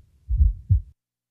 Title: 12 Fourth Heart Sound S4 Heart Sounds Collection